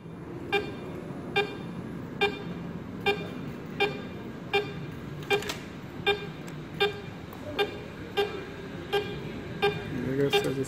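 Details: Vetsens-MP1 monitor with an SpO2 probe: short regular electronic beeps, about 80 a minute, over a low background hum, one per detected pulse; pulse oximeter beep.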